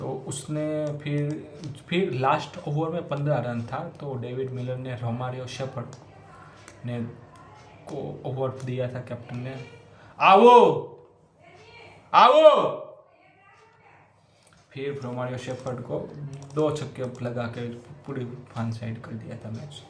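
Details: Adult man who stammers, doing daily stammering-control practice, reading Hindi tongue twisters as a fluency exercise; stuttering.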